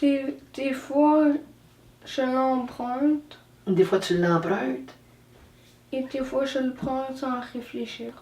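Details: 13-year-old French-speaking boy with Tourette syndrome, ADHD and moderate motor and verbal dyspraxia; verbal dyspraxia (childhood apraxia of speech).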